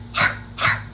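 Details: Dog with laryngeal paralysis: dysphonic bark in laryngeal paralysis.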